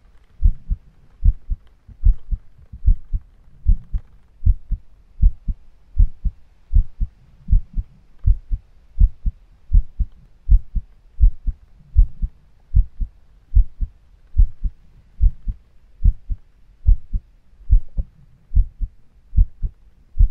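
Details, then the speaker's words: Adult woman's heartbeat during an ASMR cuddling roleplay, steady muffled thumps at about 75 beats a minute heard close against the chest; she says it feels fast from nerves. "Please, just don't pay too much attention to the speed of my heartbeat."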